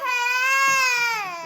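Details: A young child's sustained, tonal wail, a single continuous cry with a falling pitch at the end; ordinary crying.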